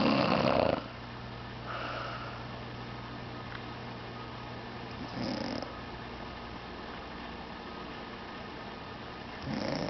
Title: Mom Snoring 3